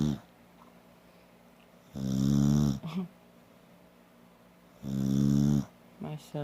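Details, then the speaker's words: Snoring with eyes open in a sleepy girl lying on grandma: two loud, low, rattling snores about three seconds apart, each followed by a short snort, quiet room between. "How are you snoring? Your eyes are open."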